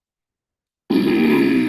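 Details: 70-year-old man with progressive supranuclear palsy and pseudobulbar palsy, voice noted as very hoarse; growling speech of PSP.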